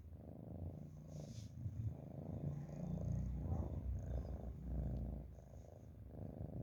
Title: Nice Cat Snoring 👍